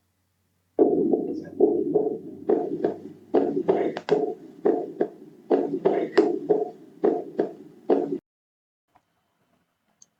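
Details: Aortic stenosis murmur, presented in a physiology lab on heart sounds with concentric hypertrophy and classic triad with angina and dyspnea on exertion: repeated harsh systolic murmur with each beat, about 70 a minute.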